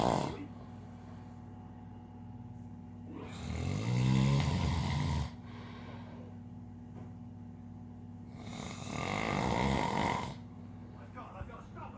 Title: He say he doesn't snore!!!